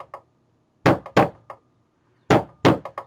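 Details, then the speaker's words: Heart sound rhythm imitated by banging on an object, contrasting wrong versus correct lub-dub beat, in a biology lab lesson on heart sounds: imitated normal S1-S2. "okay your heart does not beat like this it beats like this I hope you can hear the difference not like that like this"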